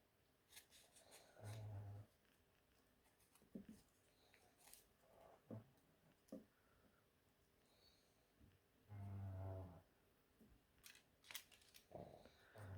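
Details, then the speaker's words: Irregular low snorting breaths and snuffles from small dogs, one a pug, in a quiet room with a few rustles: dog snoring. "If you can hear dog snoring, that's Maisie Pug and that's Ollie"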